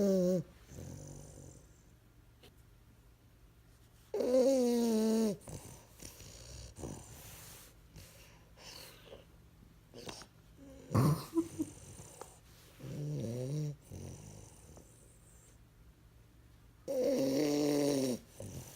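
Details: Loud, rough snorts and whistling squeaks coming and going with sleeping breaths, about four louder bouts, from a sleeping bulldog puppy with its tongue out; snoring.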